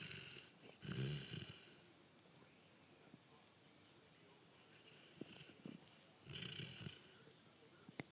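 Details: Dog snoring in sleep, louder than a previous recording: low rumbling snorts on sleep breaths, loud at the start and again later, with quiet breathing between.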